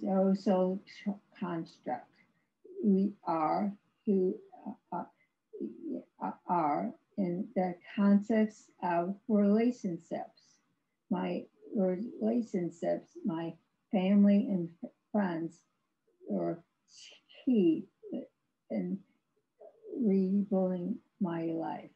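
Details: Woman with severe aphasia after a severe stroke in 2010; no speech for three years, with ongoing speech challenges, recorded in 2021, about 11 years post-stroke; aphasia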